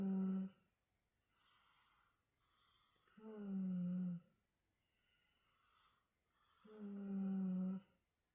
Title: Snoring,,try not to laugh🤣🤣